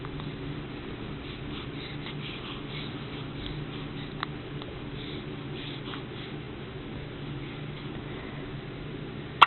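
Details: Soft, brief clicking catches recurring every second or two over a steady background hum: hiccups in a four-day-old newborn.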